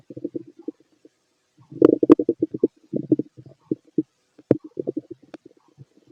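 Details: Fit adult male's abdomen through a stethoscope during digestion of a mixed meal: rapid clustered bursts of gurgling and bubbling, normal active bowel sounds.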